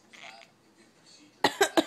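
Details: Cat coughing.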